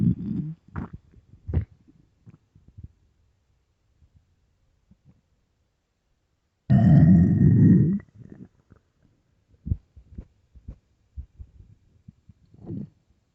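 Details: Gurgling abdominal rumbles with one loud growl lasting about a second, from a hungry, empty stomach: borborygmi (stomach growling).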